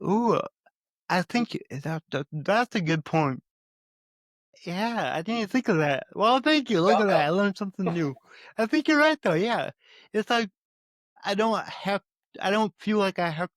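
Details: Adult male with a speech impediment who says he stutters, more so when talking with his mother than with most people; stuttering.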